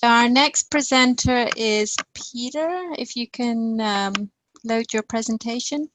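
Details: Adult speaker; Normal voice.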